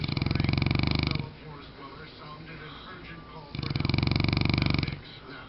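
Two long, deep, rattling snores with a fast flutter, separated by quieter breathing: loud snoring from a large sleeping dog.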